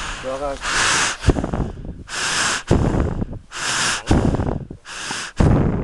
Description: Cattle suffering from snoring disease caused by Schistosoma nasale from Bhandara district of Maharashtra( India)